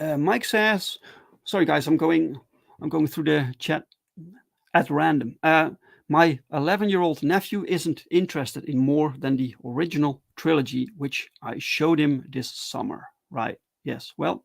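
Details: Adult who stutters, reading chat aloud in a live solo stream; stuttering.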